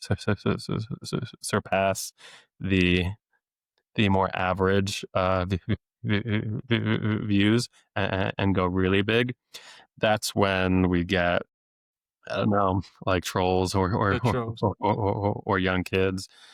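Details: Adult man who has stuttered since age eight, with years of speech therapy, now a speech-language pathologist deliberately letting his stutter show; repetitions of sounds, words and phrases; stuttering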